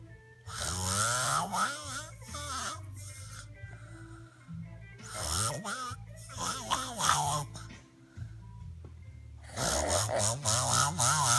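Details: Heavy snoring: loud, rough snores with snorting and whistling that rise and fall in pitch, coming in long noisy bursts.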